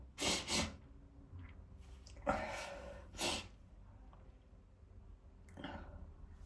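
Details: A male filmed sneezing to show his spray: a series of explosive sneezes with sharp bursts of air and spray, separated by breaths, ending in a softer sneeze.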